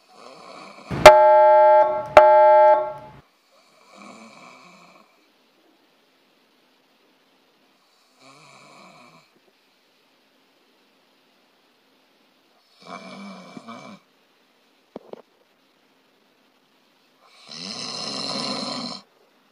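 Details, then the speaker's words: Snoring with a more narrowed airway, attributed to a more drooping uvula. "이 소리에는 기도 과 좀 더 좁아진 소립니다 목젖을 좀더 쳐진 소리겠죠"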